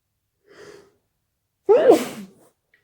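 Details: Sudden late-night sneezing attack, muffled attempts: a faint indrawn breath followed by one loud, explosive sneeze.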